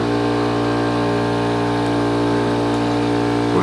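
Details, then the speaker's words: ACCUVAC Pro portable emergency suction unit switched on after connecting a Yankauer tip, set up for airway management: steady loud motor hum with constant buzzing tone; suction unit running. "We're going to connect your Yer tip and then of course we're going to turn it on."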